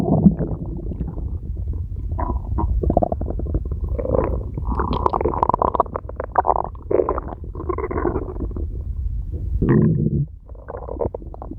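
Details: Woman's stomach growling: long run of gurgling, squeaky rumbles from the belly; ordinary borborygmi from gas and fluid moving through the gut.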